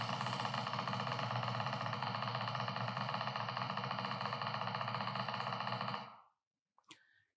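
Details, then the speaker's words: Single fiber needle EMG recording: a rapid, steady crackling discharge that stops abruptly; the potential fires sometimes late, sometimes early, but is always present; abnormal, increased jitter. "okay so this potential has got incre Jitter but it always comes there okay sometimes it is late sometimes early but it's always there"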